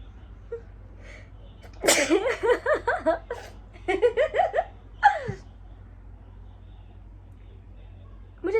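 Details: A woman's real sneezes, induced by tickling the nose with a stick during a sneezing challenge: a quick run of sneezes in two bursts, then a final sharp sneeze, in a quiet room.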